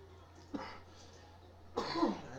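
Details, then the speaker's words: Adult man who says he has smoked for 30 years: two harsh, rough coughs over a steady low hum. Smoker's cough. "that's what I sound like when I cough."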